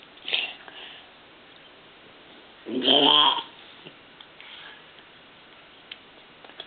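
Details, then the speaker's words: Baby burping after eating a banana: a single loud, drawn-out belch of about half a second with a softer burst just before it, in a quiet room. "it's a big one that's a big [Music] onec me that's funny does cheese make you burp win"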